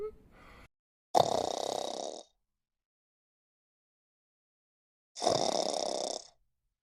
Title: Snoring dog #sleepydog #funnydogs